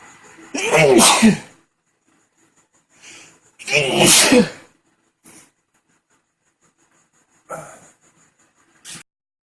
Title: cold sneezes (male)